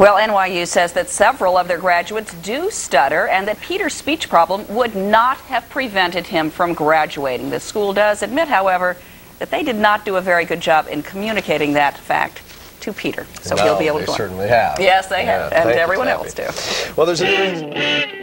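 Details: Adult news reporter; typical speech.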